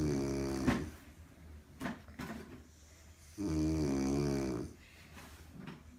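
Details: An adult woman napping on the couch with a dog sleeping beside her; loud, low buzzing snores with softer breathing noises between them, indoors.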